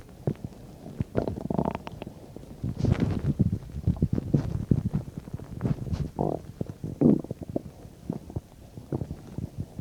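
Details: Frequent low gurgles, squelches, rumbles and a few longer growls from the abdomen while digesting a bean and cheese burrito, about 10–15 minutes after eating; the finding is normal bowel sounds (borborygmi).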